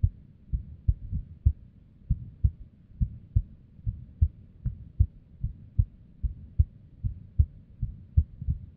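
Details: Female resting heartbeat, described as unstable, recorded with a simple microphone or headphone. Low, dull thumps at about 75 a minute with uneven spacing: an irregular rhythm with arrhythmia and abnormal beats.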